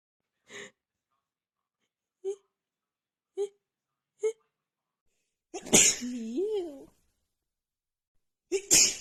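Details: A run of about six sneezes in nine seconds, sharp bursts with a brief voiced sound between, from a female with a runny nose after an hour outside in cold, snowy weather combined with dust; a sneezing fit.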